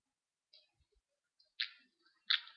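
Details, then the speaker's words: Person with a tic disorder: faint mouth clicks, then two sharp hissing spit-like bursts of air from the mouth, a vocal spitting tic. "and then make the spitting noise again."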